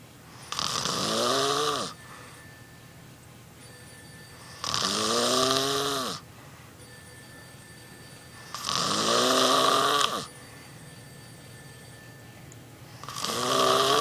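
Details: Man snoring loudly in his sleep, waking the person recording: loud, harsh, rattling snores about every four seconds, roughly 15 a minute, separated by quiet pauses; heavy snoring.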